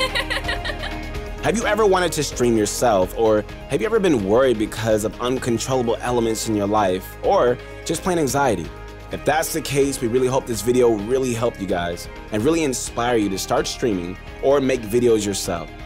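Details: Adult speaker; normal speech.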